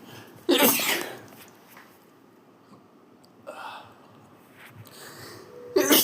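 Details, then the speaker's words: Person sneezing: three sharp, explosive sneezes in a quiet room, the middle one softer; ordinary sneezing. "छीकने के कई फायदे हैं। शरीर से हानिकारक कणन कणों जैसे धूल बैक्टीरिया को बाहर निकालना।"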